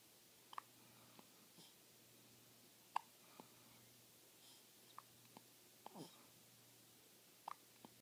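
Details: A person with hiccups: short, sharp, soft hiccup sounds repeating at irregular intervals, about nine over eight seconds, in a quiet room with a low steady hum.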